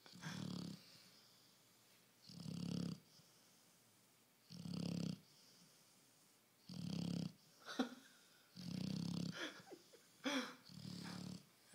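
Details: 4-year-old female pit bull snoring loudly enough to hear from another room: low rumbling, somewhat uneven snores about 28 a minute while sleeping in a quiet room.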